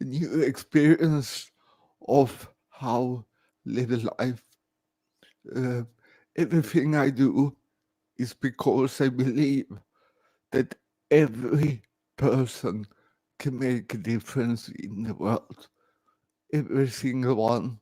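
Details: Adult man born 1968 with severe cerebral palsy after lack of oxygen at birth; speech recognition programs struggle with his speech; dysarthria (cerebral palsy).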